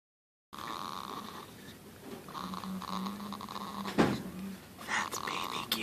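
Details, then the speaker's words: Sleeping baby boy: soft, low, buzzing breathing noises with faint room noise; light infant snoring. "snoring like his daddy."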